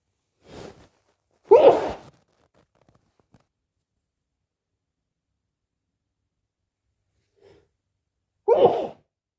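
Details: A soft intake and a sharp sneeze, then quiet and a second sneeze, from a person repeatedly announcing "I need to sneeze"; ordinary sneezing.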